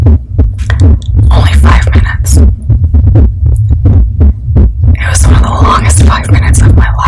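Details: A woman's heartbeat recorded for ASMR: steady, muffled and low at about 80 per minute under a deep hum, with whispered speech as she describes anxiety after a car accident; a normal heartbeat.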